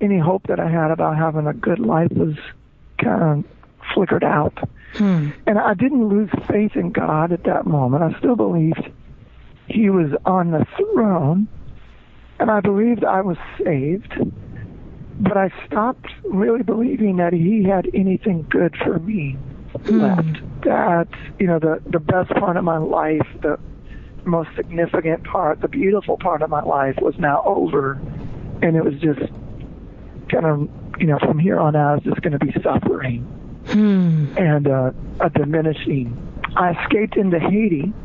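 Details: Man, former rock band lead singer, diagnosed with spasmodic dysphonia (involuntary spasms of the muscles around the larynx) that left him unable to sing; spasmodic dysphonia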